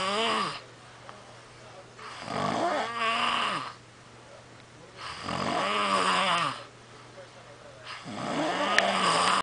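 Loud, rough snores on each breath, about three in nine seconds, with quiet pauses between; a steady low hum in the room.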